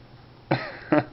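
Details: Baby or young child giving two short, soft cough bursts in quick succession.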